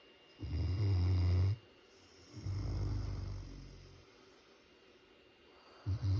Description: Marvin the Great Pyrenees is a silly snoring machine! Listen to this cute dog snore so loud!!